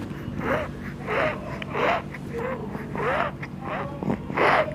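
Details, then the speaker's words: Wheezing (mengi) in an infant with cough, cold and phlegm in the chest, pneumonia context, before chest physiotherapy: noisy, labored breathing with squeaky whistling tones on each breath, about 45 a minute. "kemudian adanya paru-paru sampai suaranya itu mengi Nah suaranya itu kayak susah banget untuk nafas ini seperti ini contohnya nih"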